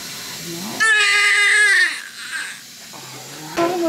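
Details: A newborn girl, first child, delivered after induction at 40 weeks under an epidural with dropping fetal heart rate (possible emergency C-section), gives a strong, high-pitched cry that bursts out, fades, then restarts; a vigorous first cry.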